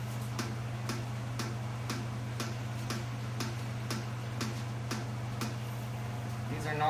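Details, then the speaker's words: Steady low hum with regular soft ticks about twice a second, heard while an ophthalmic diode laser is warming up during a setup tutorial; normal laser warm-up sounds. "are normal sounds as the laser is warming up."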